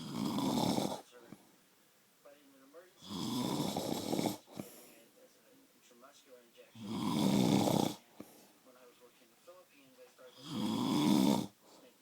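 Four loud, harsh snoring breaths, about twenty a minute, with faint clicky noises between them; ordinary snoring.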